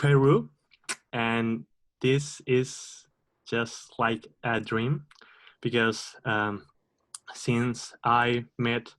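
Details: Stuttering in a 27-year-old who identifies as a person who stutters, speaking at an online stuttering association open mic.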